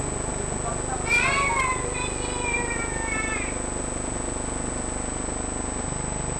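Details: Three-year-old boy with 7 months of difficulty breathing who can't sleep at night: high-pitched, whistling noises with breaths, fitting stridor from a narrowed upper airway.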